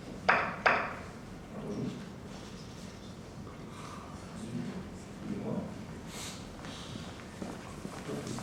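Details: Faint, hissy, unintelligible speech-like bursts after two clicks: a simulated cochlear implant (vocoded speech), a word played with few channels, apparently 2, showing degraded sound information.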